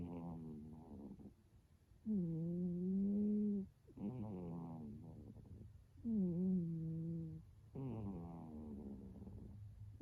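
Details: Loud, rhythmic snoring, about 15 breaths a minute, alternating a droning tonal snore with a rougher breathy snort each cycle.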